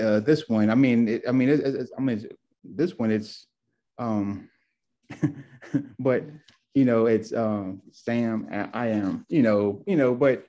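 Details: Adult man, two years after a left-brain stroke with multiple clots; real stroke survivor; aphasia with word-finding difficulty.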